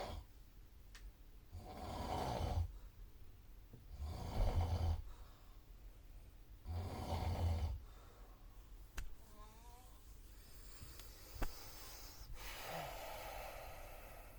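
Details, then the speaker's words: Loud, rough snoring from a person in the neighbouring bunk of a hostel room at night, deep rumbling on each inhalation. "yan ranza da bir tane Affedersiniz ama ayı böyle bir horlama şekli yok çünkü yani Normal şartlarda Tamam insan horlayan bir şeydi"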